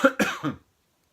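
A short burst of two or three quick coughs from an adult man, then silence.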